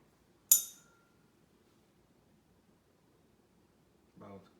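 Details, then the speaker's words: Weber test for cranial nerve 8 during a head-to-toe exam: a tuning fork is struck, giving a sharp metallic strike and fading high ring, then placed on top of the head; the result is normal. "Weber test, Heath, I'm going to strike the tuning fork, place it on the top of your head. You tell me if you hear it, stop hearing it left, right, or both,"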